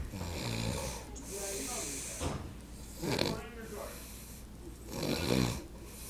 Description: Uncle snoring